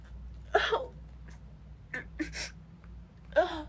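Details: Sick woman sneezing repeatedly, too fast to take a full breath: a quick run of short, breathy sneezes with little pause between them, over a low room hum.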